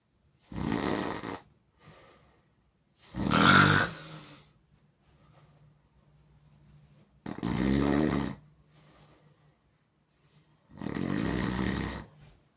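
Four loud, rough snoring breaths in about twelve seconds, roughly 19 breaths a minute, with quiet gaps; loud snoring.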